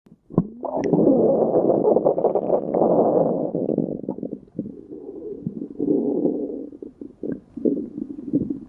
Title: Silver stomach growling